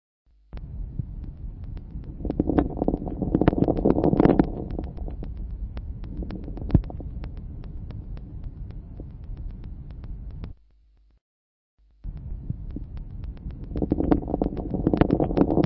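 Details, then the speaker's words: Late inspiratory crackles: many fine, sharp popping crackles that increase in number and intensity toward the end of each inspiration, best heard with slow breathing at large tidal volumes. "ils augmentent en nombre et en intensité à la femme d'inspiration ce caractère est mieux perçue lors d'une ventilation à faible fréquence et grands volumes courant"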